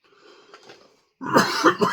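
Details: A faint breath, then about three quick, harsh coughs, an ongoing cough triggered by pepper dust from a freeze-dried 7-Pot Primo ice cream sandwich during a hot-pepper eating challenge.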